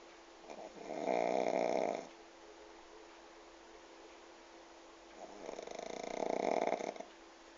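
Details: Pug asleep sitting upright in owner's lap with head on the table, snoring: two loud, rough snoring breaths separated by a quiet pause.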